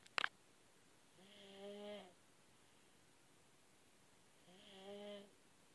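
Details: Two-year-old pet snoring in sleep: two slow, buzzing snores about three seconds apart in a quiet room, after a brief knock at the start.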